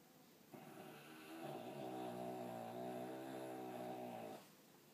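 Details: Snoring.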